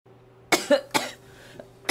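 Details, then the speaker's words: Girl who says she is forcing herself to hold back a lot of coughing and that it hurts here, coughing with her whole body: two sharp dry coughs close together, then a faint third, soft background music. "아 기침을 엄청 많이 참고 있어요 내가 지금 이렇게 해가지고 여기가 아파"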